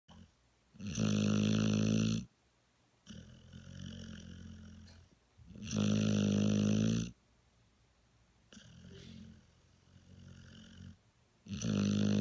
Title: Brutus snoring